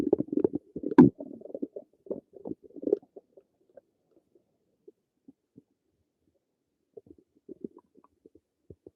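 A burst of bubbling gurgles, then scattered soft pops and clicks in a quiet room; ordinary stomach and bowel noises.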